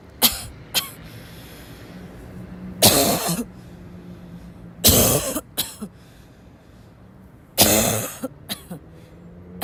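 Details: Harsh, forceful adult coughs, three strong bursts with smaller follow-up coughs, a barking cough in a breathless person.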